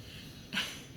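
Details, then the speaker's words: Quiet room, then a single breathy, snuffling inhalation from a sleeping pet dog in the background, a brief snore; owner says she snores like a freight train. "you can probably hear my dog snoring in the background she's the cutest but she snores like a freight train"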